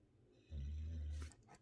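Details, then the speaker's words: A single deep, low rumbling snore from one of two sleeping dogs, followed by a faint rustle in a quiet room. "si vous entendez ronfler c'est mes deux chiens qui sont en lice"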